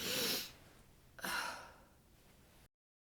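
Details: Tired sneezes muffled into a duvet after coming home from a cold, windy outdoor market, nose sensitive from the freezing weather; possibly coming down with a cold. Two hissing sneezes in quick succession, damped by bedding.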